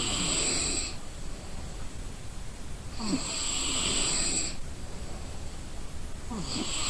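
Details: An exhausted person sleeping: loud rattling snores, about two breath cycles in seven seconds, each with a harsh noisy in-breath; ordinary snoring.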